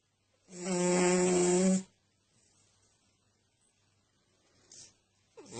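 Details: A sleeper snoring: one loud rattling snore lasting over a second, then quiet breathing with a faint second snore at the end.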